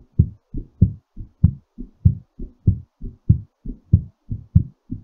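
Regular, quick low thumping heartbeat near 97 beats a minute; heart rate still raised while recovering from exercise.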